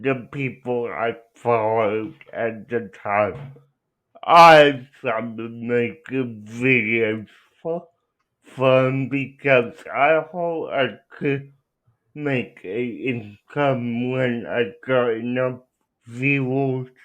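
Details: Young man with cerebral palsy, no specific speech disorder named; dysarthric speech associated with cerebral palsy.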